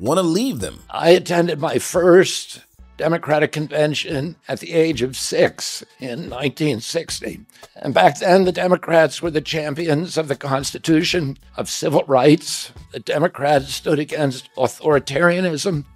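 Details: Adult male political figure (Robert F. Kennedy Jr.), real speech, said by narrator to have spasmodic dysphonia, described as a loss of his voice; spasmodic dysphonia.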